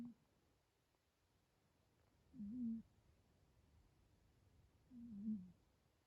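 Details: Sleeping cat: soft, low rumbling bursts about every two and a half seconds, each under a second: snoring, harmless here.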